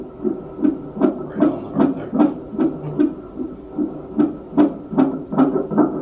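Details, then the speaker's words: Strong fetal heartbeat on a Doppler during a pregnancy check; rapid, regular whooshing pulses about 150 a minute over a steady hum. "that's a good heart Barry"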